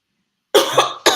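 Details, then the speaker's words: Adult coughing of unknown cause, with mention of COVID going around: two harsh coughs, the first longer with a rough tail, then a short second burst. "I don't know where I get this cough from. Oh. And then I hear that COVID going around."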